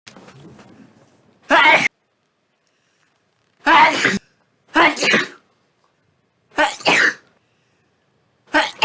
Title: 50+ Sneezes In A Row